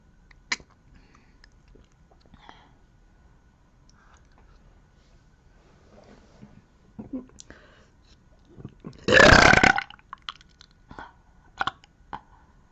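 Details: One loud, drawn-out burp from a girl in a quiet room, with faint clicks and mouth noises around it; burping.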